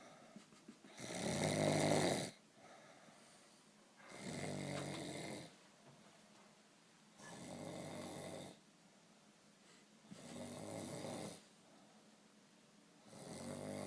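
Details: Person snoring in sleep after a few too many beers: loud, rattling snores about every three seconds, roughly 20 a minute, with quiet pauses between.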